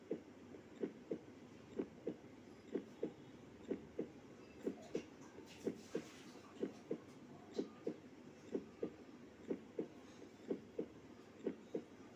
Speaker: The normal heart beats for adults is from 60 to 100 beats per minute. Observe and count the sounds of human heartbeat in few seconds.